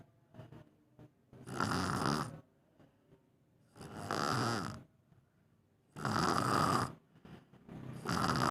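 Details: Coarse, rattling snores with each breath, four in about eight seconds, separated by quieter exhalations; ordinary snoring in sleep, attributed to tiredness.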